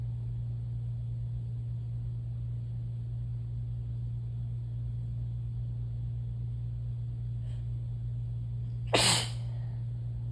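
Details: Person very sneezy since the previous night: after a steady low hum, a single loud, wet, explosive sneeze.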